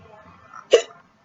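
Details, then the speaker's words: Person with hiccups for about an hour who has a toothache and applied Orajel to it: a single abrupt, voiced hiccup after quiet breathing. "so as you can see I do have the hiccups pretty bad I've been having it for the hour"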